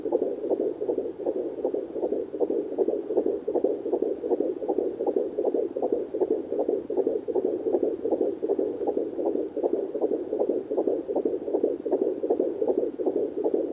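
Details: Fetal heartbeat at 14 weeks 1 day of pregnancy on a Sonoline C2 Doppler: fast, regular, whooshing galloping pulses at about 158 beats per minute.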